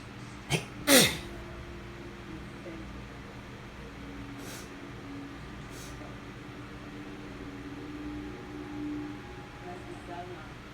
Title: Friday night sneezes